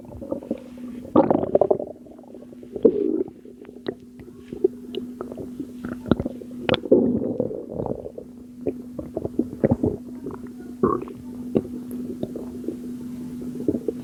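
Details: Irregular wet gurgles, squelches and pops over a steady low hum from the abdomen of a postpartum mother with water weight, recorded at 2am; abdominal gurgling.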